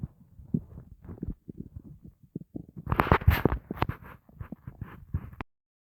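Irregular low gurgling and rumbling bursts, louder in the middle: bowel sounds of an empty, hungry stomach.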